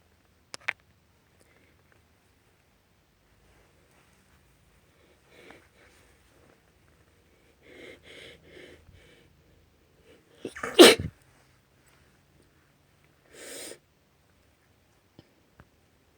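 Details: Female; sniffs and a catching inhale build to a sharp, loud sneeze, then a second softer sneeze a few seconds later in a quiet room. Two sneezes.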